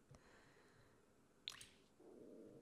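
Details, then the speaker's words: Faint wet squelches, a brief gurgle, then a low soft rumble: stomach growling in an adult shortly after a meal of tacos with jalapeños. "Oh my gosh, did you guys hear that? That was actually my stomach if you heard it. I just had a really uh nice meal of tacos and I'm addicted to jalapenos."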